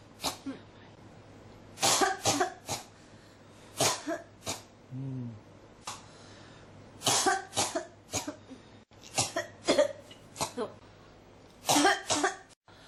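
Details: Persistent dry coughing that won't stop, in repeated clusters of about fifteen coughs over thirteen seconds with short pauses between.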